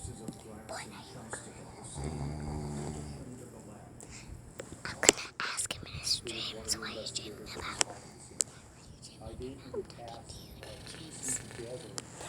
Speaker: Well, not really ASMR because my dad's sleeping, but snores. It's so annoying. I love it so much.